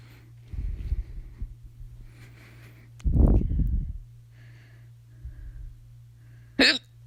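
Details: Loud second bout of hiccups, starting at 11:24 PM and persisting despite drinking water and breath-holding: abrupt, loud gulping hiccups with quieter breathing between them.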